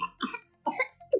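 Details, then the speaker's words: A few short, harsh cough bursts from a child with no clear whoop, in a health-department radio announcement on pertussis; possible whooping cough. "Ganito na ba ang ubo ng anak mo?"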